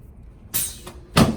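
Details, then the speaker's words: Female dental hygienist with arms straight out, palms up, during a chiropractic Johnson Technique adjustment of the AC joints and clavicles: a quiet room, then two short sharp pops, consistent with joint cavitation. "Let's go ahead and put both arms straight out to the sides, palms up. So I'm going to adjust her AC joints now, her clavicles,"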